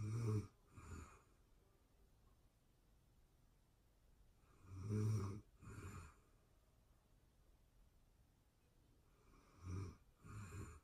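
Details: Real-time recording of a person asleep: quiet snores, some in paired in-and-out bursts, separated by long pauses of several seconds, with faint room hiss; snoring.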